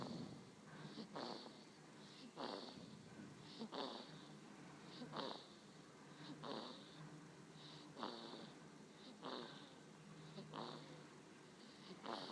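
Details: A napping savannah kitten aged 1 month 16 days snores softly with each breath, about 44 breaths a minute, with a faint whistling edge; snoring.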